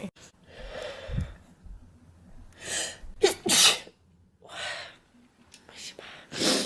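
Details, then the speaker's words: Several sharp, explosive allergic sneezes from different people, some with a gasping intake beforehand, with quiet room noise between. From a YouTuber allergy sneeze compilation; one speaker says she always sneezes in twos. "Wow, I always sneeze in twos. Fun fact about me."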